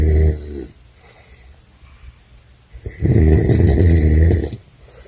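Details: Man snoring at a men's retreat: two loud, deep, rattling snores separated by a quiet pause; ordinary heavy snoring.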